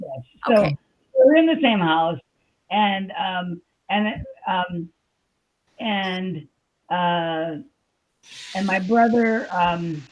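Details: Adult woman with aphasia after a stroke on July 6, 2021; she says she can talk but can't think of the words. Aphasia (word-finding difficulty).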